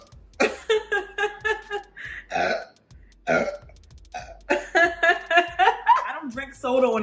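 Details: Girl doing a no-burp challenge: short, rapid, loud belching bursts running together with voiced sounds and speech; repeated burping.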